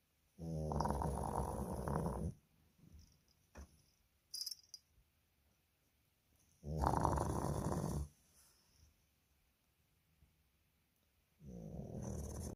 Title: No... I Don't Snore